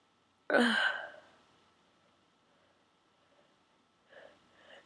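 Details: One forceful sneeze, then quiet breathing and faint sniffing, from a person inducing a run of sneezes with a plastic garment tag holder; eyes streaming, nose raw and stuffy.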